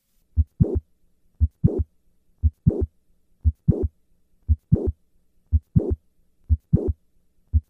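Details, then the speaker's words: Mitral valve prolapse, simulated heartbeat about 58 a minute, standing then squatting: a late systolic click and short murmur, with the click moving later in systole on squatting as left ventricular size increases. "Maneuvers like squatting that increase left ventricular size cause the click to move later in cy. Listen once again to the change in the click murmur with a squat maneuver."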